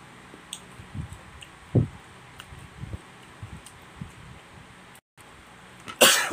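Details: Single sharp cough burst amid quiet eating sounds, then loud rustling, during a fruit-eating mukbang with Malaysian dip (starfruit, mango, pineapple, melon, kiwi, apple, papaya, guava, rose apple); cough.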